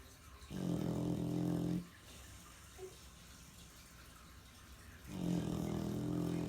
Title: Surprised to find out who was snoring so loud.. not who I though it was!!